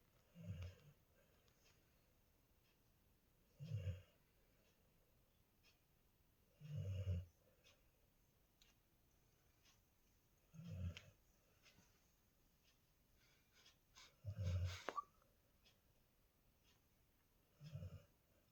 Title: Bruno's snoring voice #doglover #goldenretriever #bruno